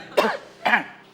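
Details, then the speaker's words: Two short, harsh coughs about half a second apart, acted by a character with a cough in an Indonesian comedy sketch. "Karina orang lagi batuk diajak bercanda."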